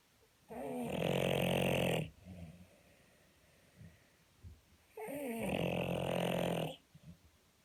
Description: Bulldog snoring while asleep